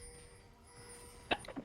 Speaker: Oh, Lord, you can hear me sneeze on stream. I don't know why that came up.